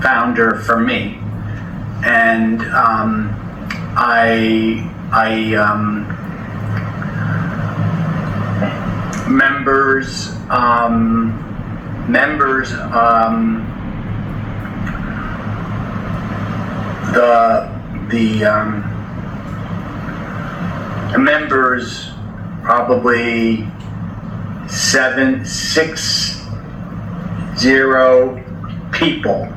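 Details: Man seven years after a stroke with mild Broca's aphasia, comprehension intact; Broca's aphasia (non-fluent speech).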